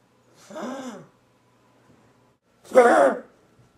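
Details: Toby, a dog with kennel cough: two harsh, honking hacks, the dry goose-like cough of kennel cough.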